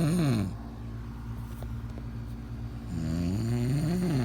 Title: Part 2 of my husband snoring